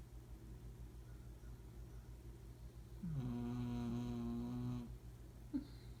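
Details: One long, buzzing, vibrating snore lasting nearly two seconds, with quiet breathing and low room hum; snoring.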